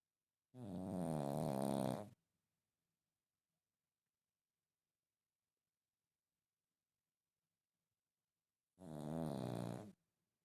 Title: Unbelievable how Pugs Teo sleeping & snores #shorts